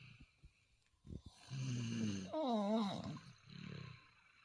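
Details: Father and daughter snoring together: brief snorts, then a rumbling snore followed at once by a higher, wavering snoring tone, then a softer breath; snoring.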